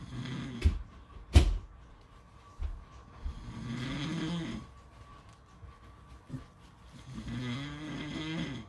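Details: Snoring: low rattling snores on each breath in, about 17 a minute, with a few clicks and knocks in a small room.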